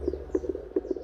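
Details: Fetal heartbeat found with a newly bought home handheld fetal Doppler after about 10 minutes of searching by the seated pregnant mother: fast, rhythmic whooshing pulses over a steady low hum.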